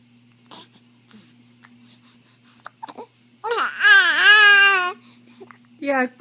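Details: Infant with hiccups: brief soft sounds, then a single loud wailing cry lasting about 1.5 seconds and a short fussy cry at the end; infant cry.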